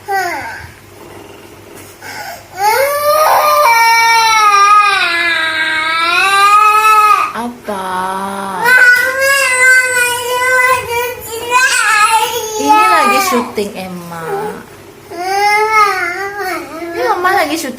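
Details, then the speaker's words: Loud, sustained crying from a baby during filming, rising and falling wails with brief breaths between in a small room; ordinary infant crying, reportedly wanting to be filmed again. "lagi syuting nangis. Ini lagi syuting nih."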